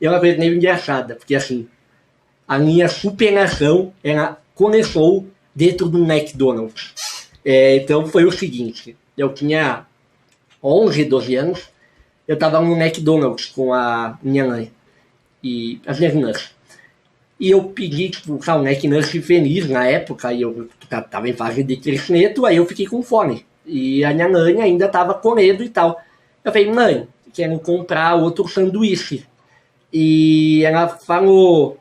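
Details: Hypernasal speech from congenital velopharyngeal incompetence in a male with normal vocal cords; late speech onset, about eight years of childhood speech therapy and a palatal expander; surgery was not possible.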